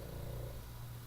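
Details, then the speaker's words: Sleeping pug napping in the background: a low, steady, rumbling snore with faint room noise; dog snoring. "my pug snoring. He's really taking a good nap over there."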